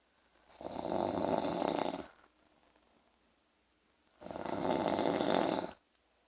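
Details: Two long, loud, rattling snores on inhaled breaths with a quiet pause between them; ordinary adult snoring during sleep after work.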